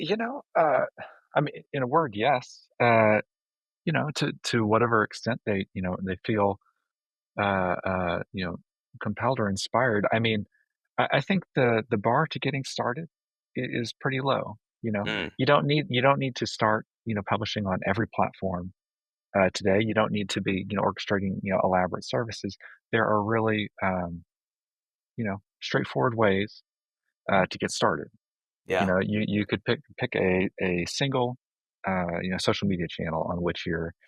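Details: Adult male speaker; normal voice.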